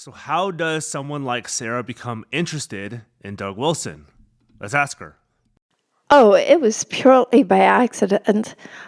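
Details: Adult male and adult female speakers; normal speech.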